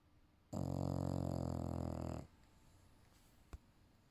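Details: Female English Bulldog napping, one long loud rattling low snore under two seconds, then quiet room noise and a faint click; snoring.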